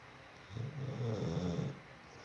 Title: Pitbull snoring like a grown man!!! My nephew Jax🤣